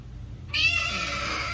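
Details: A second baby is born. Low room noise is followed by a sudden high, thin, sustained wail; a newborn's first cry just after delivery.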